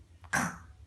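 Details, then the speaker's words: A single short, soft cough from a young girl, produced on request during play rather than from illness; voluntary cough. "Ay öksürüyor. Ay çok hasta."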